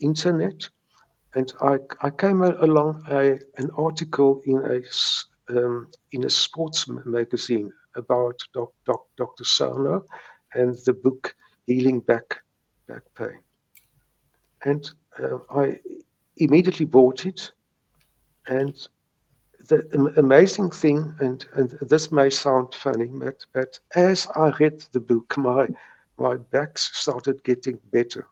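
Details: Stuttering in a man in his 70s who has stuttered since age three; he says he still has mild speech blocks.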